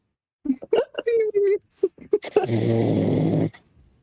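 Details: Sleeping man's snoring: brief voiced mumble-like sounds, then one long, rough, rattling inhaled snore lasting about a second (honk shoo).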